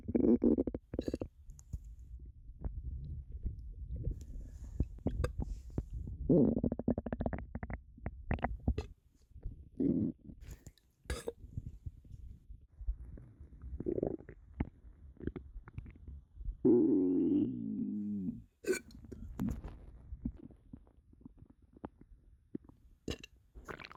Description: I was so bloated and my stomach was upset with me.